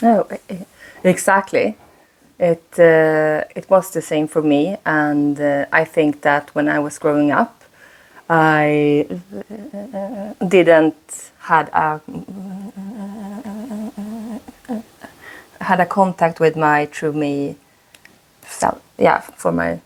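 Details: Stuttering in a 36-year-old woman whose stutter shows more under stress; she uses a speaking technique; repetitions are audible.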